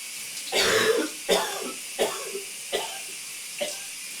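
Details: Male coughing in a steamy shower: about five loose, throaty coughs over the hiss of running shower water; a productive cough.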